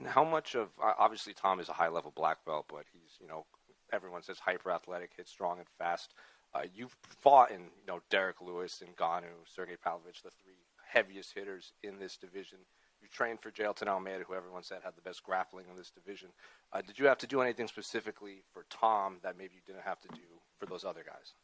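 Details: Adult male speaker; Normal fluent speech.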